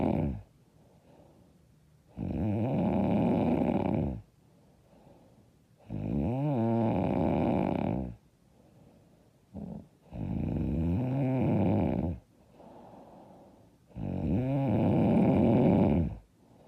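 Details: Loud, hard snoring: harsh, rattling snores on each in-breath, about 15 a minute, with quiet breathing out between them.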